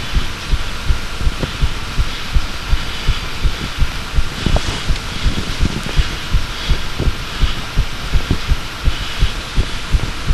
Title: Second heartbeat recording